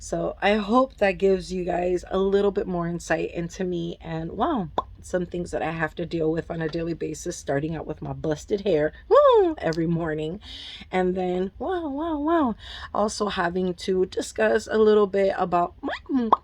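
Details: Adult woman with Tourette syndrome, still dealing with tics while off her medication, with involuntary interjections such as "whoa" and "oh": vocal tics (Tourette syndrome).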